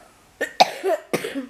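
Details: Three quick, harsh adult coughs in close succession in a quiet room while reading the Barmaley bedtime fairy tale aloud; an ordinary cough from illness.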